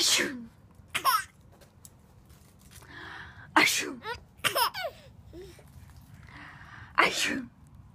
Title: Sneezing is hilarious